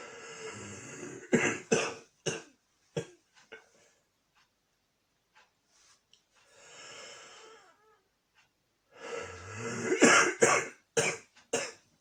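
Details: Intense coughing fit from an adult with a cold: two bursts of repeated harsh coughs, about a dozen in all.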